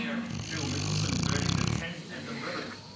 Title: Bear the dog snoring